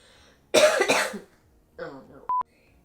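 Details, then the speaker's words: A loud, harsh double cough from an adult woman who has been sick for a week and is still on antibiotics, followed by a softer throat sound and a beep. "if I started coughing in the middle because I'm still sick I've been sick for a week and still on antibiotics"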